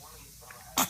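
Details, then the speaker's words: A single sudden, sharp burst of air at the end of a quiet stretch; a sneeze. "you yeah sneezing stinks"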